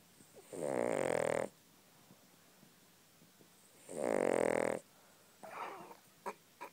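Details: Yorkshire terrier asleep: two loud, buzzing snores about three seconds apart, each followed by a quiet pause, then softer breathing and small clicks; snoring.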